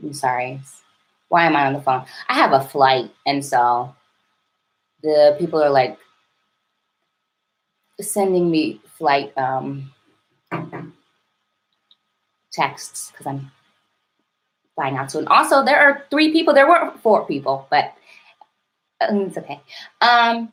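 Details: Adult woman with a stutter she describes as severe and overt, with heavy blocking.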